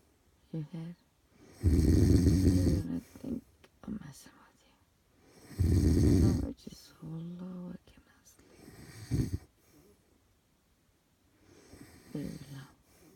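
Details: Audio-only recording of a sleeping adult man snoring: loud, coarse, rattling snores with softer breathy sounds between them.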